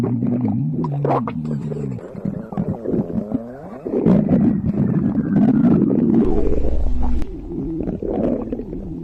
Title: stomach growling for @hermanitaspaez💕💕